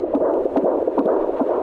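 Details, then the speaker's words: Fetal heartbeat on Doppler ultrasound, baby girl with about four months of pregnancy left: rapid, regular whooshing pulses, strong rate around 140 beats a minute. "strong arm got strong beats per minute there that's got like BMX bike rider written all over it"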